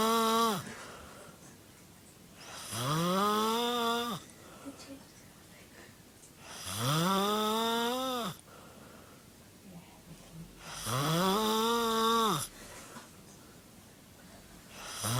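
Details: A friend sleeping gives loud, drawn-out, buzzing snores on each breath in, about 15 a minute, with quiet breathing out between them, presented as funny: snoring.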